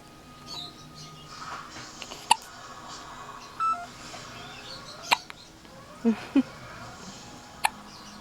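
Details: 5-day-old newborn with hiccups: several soft, sharp clicks several seconds apart, with faint room noise and small baby sounds.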